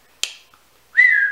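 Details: A whistling vocal tic from a person with a tic disorder ("Tourette-ish"), who says tics are worse on some days, possibly with cold weather, heard while they talk about their homeschooling.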